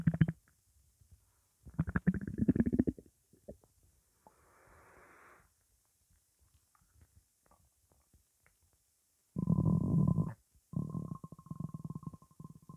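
Low gurgling and groaning bursts with pauses, including a long droning rumble; stomach growling from an empty belly.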